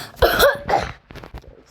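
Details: Two loud, harsh cough bursts from a child, followed by quieter throat sounds, while playing the game Granny, then an apology for the cough.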